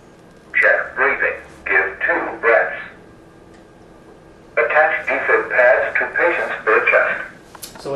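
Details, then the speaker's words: AED Plus training unit on a manikin simulation, sensing adult pads: calm recorded voice prompts "stay calm, check responsiveness, call for help" in a small room; AED voice prompts, training unit. "adult pads it senses the adult pads stay calm check responsiveness call for help stay calm check responsiveness call for help so it should give us instruction here"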